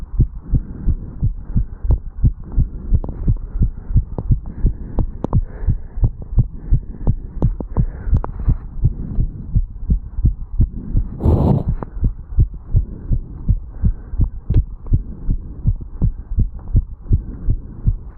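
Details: 35-year-old male, heart recorded at the mitral (bicuspid) valve area after jogging up stairs: rapid, regular, strong heart thumps, a normal quickened heart rate after exercise.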